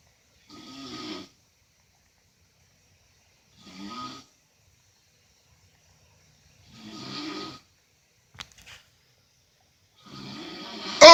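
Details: Snoring from an uncle.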